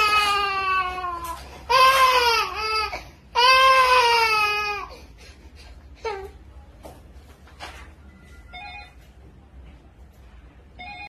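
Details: Baby boy crying after an injection: loud, high-pitched long wails with catches of breath, then softer sobs; infant pain cry.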